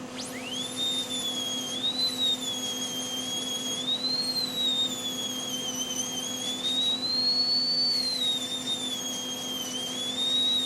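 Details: Dental lab: high-pitched whining motor rises and falls as it loads against metal over a steady low hum; handpiece grinding a cast crown coping that seats a little too snug on its stone die.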